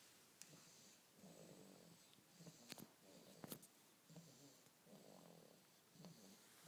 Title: Stalking A Snoring Baby